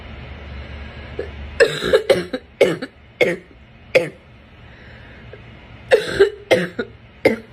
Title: Morning Barking Cough